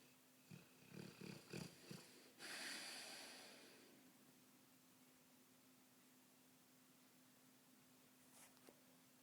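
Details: Sleeping Bullmastiff dog: a short run of rapid nasal snorts, then a long harsh breath and quiet room noise; snorting.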